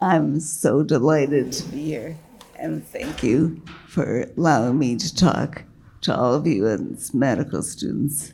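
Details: Woman with multiple sclerosis progressed to quadriplegia and a failing diaphragm, struggling to keep her voice, with an earlier large brain lesion that caused voice and word-finding loss; dysarthria in multiple sclerosis.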